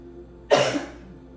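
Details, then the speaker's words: Adult woman with a cold for the past couple of days, getting better: a single short cough, faint room hum behind. "You guys will probably hear it in my voice. I may cough, I may have to clear my throat, I have a little bit of a cold the past couple days."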